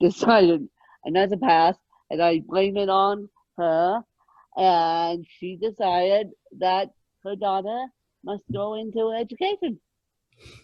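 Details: Adult woman born with moderate ataxic cerebral palsy, which she places mid-spectrum, caused by lack of oxygen at birth; ataxic dysarthria in cerebral palsy.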